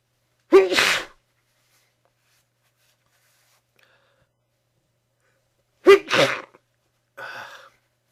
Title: Handkerchief sneezes